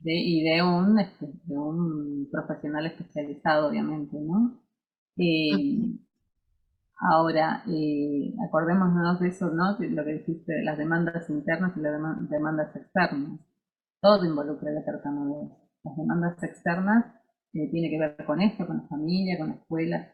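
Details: Adult speaker, Spanish; ordinary speech.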